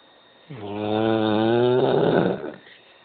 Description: house/dog sitting for my mom when I found out the black lab snores lound eonough to wake you up at night!